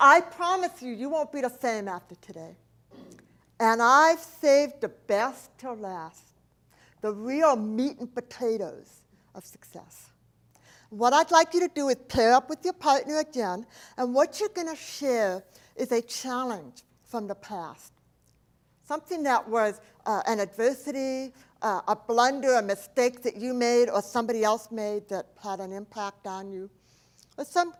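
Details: Adult woman, profoundly hearing impaired since age 4, when a 106-degree fever destroyed about two-thirds of her hearing; she does not hear S, CH or T sounds; speech impediment, not an accent: deaf speech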